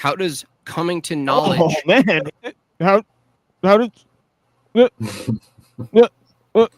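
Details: Male speaker in a debate who says he stutters; stuttering.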